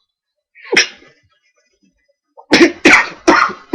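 One harsh burst, a pause, then four rapid explosive coughs from irritation after inhaling a large lungful of smoke.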